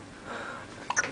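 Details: Goddaughter's first hiccups.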